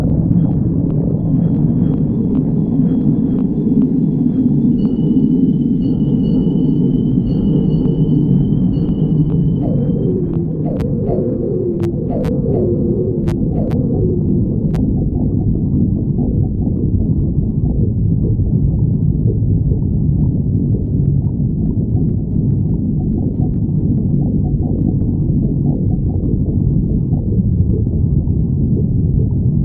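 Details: Stomach growling (borborygmi): a continuous low gurgling rumble with brief squeaky, whistling notes, from gas and fluid moving through the gut.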